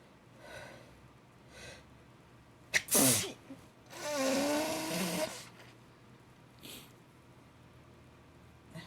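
Two sharp explosive sneezes in quick succession in a quiet room, with soft breathing before and after.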